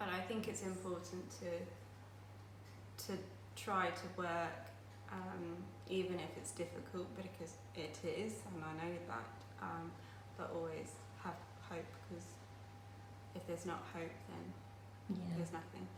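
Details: Aphasia after a stroke 10 years ago at age 18; she still finds speech and reading difficult and says her speech is not perfect.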